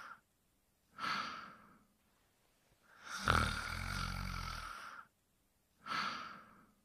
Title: A Trip to Dreamland with Fafa, Toopy and Binoo: The Pink Panther Snoring Quietly